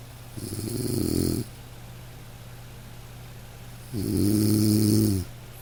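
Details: Sleeping dog: two slow, drawn-out rumbling snores on inhalation over a steady soft rain-like hiss; ordinary sleep snoring.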